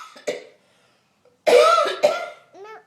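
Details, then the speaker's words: A young child gives three short, forced, voluntary pretend coughs while playing sick, not a real cough, then makes a brief high-voiced sound. "no they're not coughing for real it's not a real cold you're faking it"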